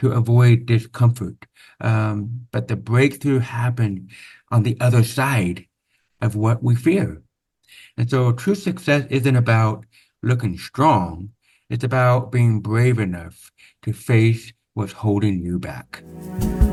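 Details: Adult man born with very severe to profound (about 90%) hearing loss, congenital onset, with over 13 years of speech therapy; real, not acted; deaf speech (hearing-loss accent).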